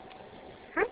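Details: One brief, sharp sneeze from a small pet named Wasabi in a quiet room; sneezing.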